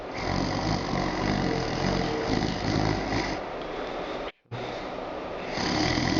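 Continuous low rattling snore with a brief pause, produced on request as an imitation of snoring.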